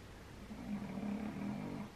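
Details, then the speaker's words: Snoring heard from Nala nearby. "Nala, you really do snore away down there."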